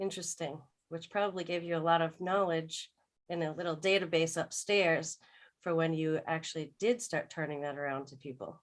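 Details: Adult woman speaking; normal fluent speech.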